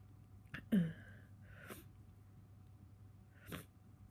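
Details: Soft catching breath, then a quick sneeze and a second smaller sneeze a few seconds later; tickly sneezes during a cold, getting sneezier.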